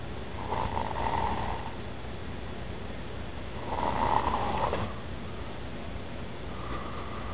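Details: A man snoring loudly: loud, rough snores on each breath, with a steady room hum behind them.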